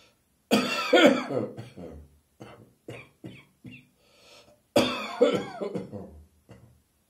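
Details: Two morning coughing bouts, each a strong first burst trailing into several weaker, shorter coughs; a morning coughing fit.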